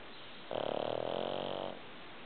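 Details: Snoring: a single buzzing, fluttering snore lasting just over a second against a muffled background.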